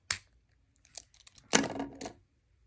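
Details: Sharp spring click as a Relion Platinum lancing device fires for a thumb fingerstick glucose test, followed by soft handling clicks; reading was 90.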